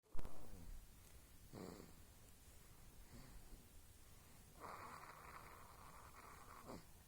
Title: One month old baby snoring 😙 while sleeping 😴